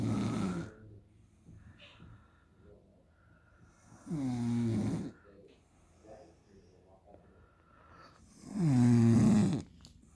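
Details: 23-year-old woman snoring: loud, rumbling snores on each breath in, about 13 a minute, with quiet breaths out between them.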